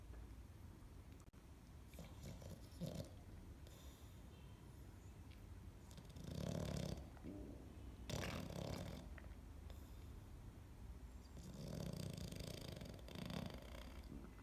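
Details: Sleeping dog nicknamed Piglet for acting like a pig, snoring with rough, snorting snores and grunts recurring every few seconds over background noise.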